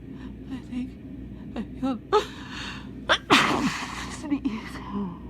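Quick gasping in-breaths build up to a loud sneeze, then sniffling and nose blowing, typical of a head cold.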